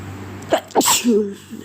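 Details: Sneeze during a cold, one of a long run of repeated sneezes: one sharp sneeze with a quick indrawn breath before it and a brief voiced trailing sound after.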